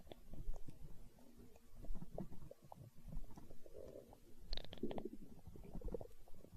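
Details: Stomach growling (borborygmi): low, irregular gurgling and rumbling from the belly, typical of hunger.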